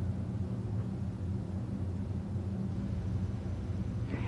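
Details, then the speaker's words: Diaphragm of the stethoscope placed over the right renal artery, aorta and left renal artery, as done in hypertensive patients to seek a bruit; none heard, a normal renal artery auscultation without bruit. "If the patient has hypertension, listen for bruise over the right renal artery, aorta, and left renal artery."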